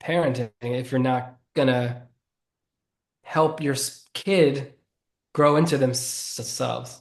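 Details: Adult man who has stuttered since childhood and says it is audible in his speech; stuttering.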